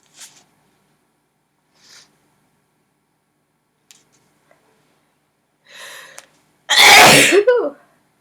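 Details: Person sneezing after a prolonged build-up: several quiet sniffs and breaths, then one loud, explosive sneeze with a voiced tail in a quiet room.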